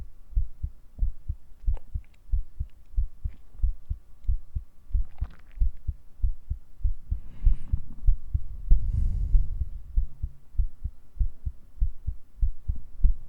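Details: ASMR role-play heartbeat recorded with a 3Dio binaural mic, added as the listener falls asleep: steady regular low thumps at about 95 beats a minute with faint rustling; ordinary resting heartbeat.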